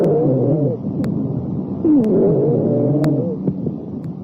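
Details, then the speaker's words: Wheezes on chest auscultation during a respiratory assessment demonstration: continuous musical, whistling tones with a few sharp clicks, from narrowed airways, usually heard on inspiration but sometimes on expiration. "wheezes are continuous cilent or musical noises usually heard on inspiration but sometimes on expiration also"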